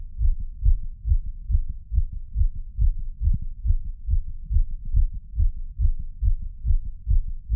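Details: Fast, pounding heartbeat recorded with a Polar H10 chest strap and ECG app; rapid, regular low thumps at about 140 beats per minute.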